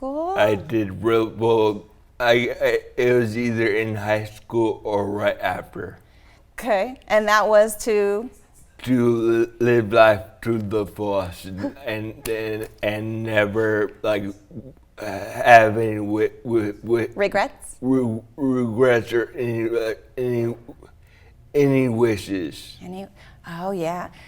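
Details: Adult man with traumatic brain injury from a 2009 snowboarding crash into a tree, with diffuse axonal shearing centred on the brainstem and cerebellum. He had a month-and-a-half coma, relearned walking, talking and swallowing, and uses a walker. Slurred speech; dysarthria.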